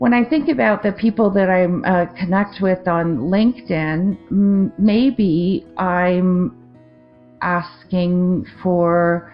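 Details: Adult woman with a 2023 stroke affecting the left-brain language centre, with non-fluent speech, word-finding difficulty, confusion with words and trouble forming sentences; aphasia after stroke.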